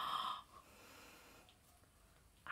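A single short, whistling snort-like snore from a small dog, followed by quiet room noise.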